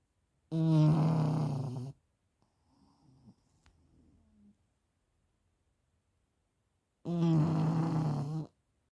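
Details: A sleeping pug snoring after eating chicken: two long, loud, rattling snores separated by a quiet pause.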